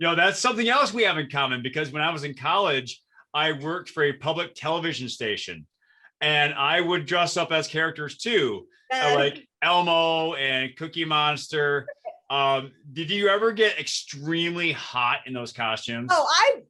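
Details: Adult speaker in a small room; normal conversational speech.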